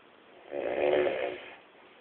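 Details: Man sleeping deeply, snoring: one low, rough snore lasting about a second, rising then fading, in a quiet room.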